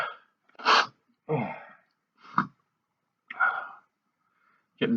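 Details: Man's fit of stifled and big sneezes after sniffing in both nostrils: a rapid run of short explosive sneezes, some partly held back, in a small quiet room.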